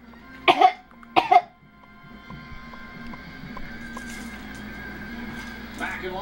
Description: Baby using fake coughing on occasion when bored, frustrated or to get our attention (30 weeks old).